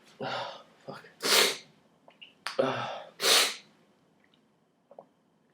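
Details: Two sneezes, each a quick indrawn breath then a loud explosive burst with small breath noises between, recorded January 31st on what the person calls an off day; they usually sneeze more when pulling nose hairs.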